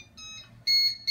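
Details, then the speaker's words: Brief high-pitched electronic alarm tones from a heated humidifier during neonatal high-flow nasal cannula setup, sounding because the temperature probes are not yet connected; the heater defaults to ET tube mode. "it's alarming that means we have something either hooked up wrong or not hooked up at all"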